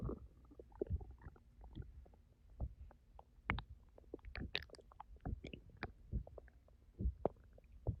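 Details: Irregular low gurgles, rumbles and brief bubbling pops coming in bursts every second or so: stomach growling (borborygmi) from an empty stomach after fasting for 10 hours.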